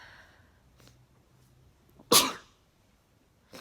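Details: Single loud, sharp sneeze after quiet breathing, with the start of another at the end: sneezing from a bad summer cold caught from a family member, with household members all sneezing.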